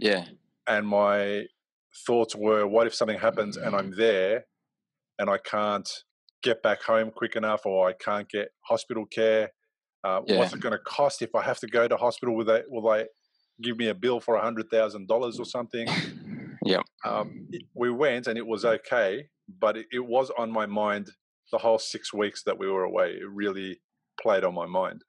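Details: Adult man speaking; Normal speech.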